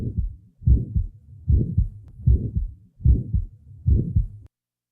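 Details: Recording at the left lateral sternal border of a 20-year-old female with a small muscular ventricular septal defect: regular heartbeat about 75 a minute, short murmur starting at the first sound and ending mid-systole; early systolic murmur.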